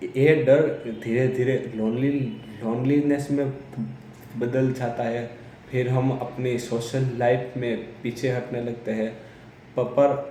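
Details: Adult man who stammers, speaking Hindi; stuttering.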